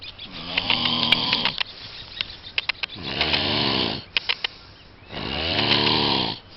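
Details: A sleeping person, jokingly presented as a ferocious wild animal, gives loud, rattling snores about every two seconds, each a long, rough, vibrating breath; snoring.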